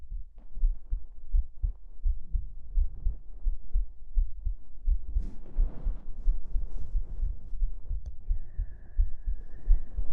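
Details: Heartbeat ASMR recorded under a duvet while hugging, with lots of fabric rustling: soft, muffled low thumps at about 85 a minute under heavy rustling; an ordinary resting heartbeat.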